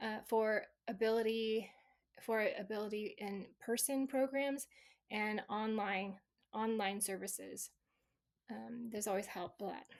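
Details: Woman, stroke survivor 26 years after the stroke, with residual aphasia from an originally global aphasia; residual aphasia.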